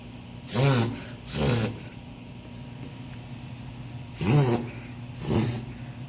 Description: Our beagle reverse-sneezing.